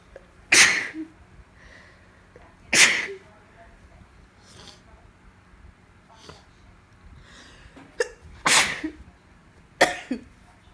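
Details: Female with allergies on top of a cold: five explosive sneezes at irregular intervals over about ten seconds, soft breaths and sniffs between, stifles growing bigger; repeated sneezing fit.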